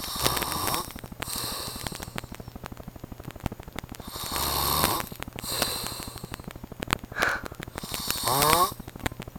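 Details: Heavy snoring during sleep: loud, rough snoring breaths recurring every few seconds, some with whistling, snorting sounds; fairly noisy recording.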